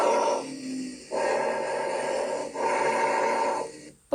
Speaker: El ruido broncovesicular posee características intermedias entre el bronquial y el vesicular y suele escucharse acerca de los bronquios principales.